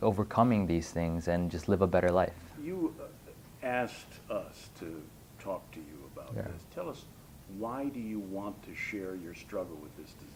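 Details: Adult male speakers in conversation; ordinary speech.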